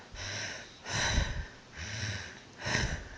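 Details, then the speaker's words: Woman recovering from pectus excavatum chest surgery, breathing with a rattling crackle from fluid that settles when lying down. She has to cough it out, and coughing is excruciatingly painful. "have this crackle and it gets to the point where i have to cough it out and it's from lying down"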